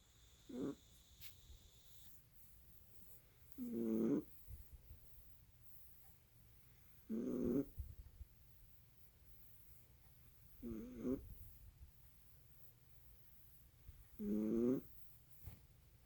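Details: Animal snoring in sleep: five short, fluttering snores on the in-breath, about 17 a minute, with quiet breathing between.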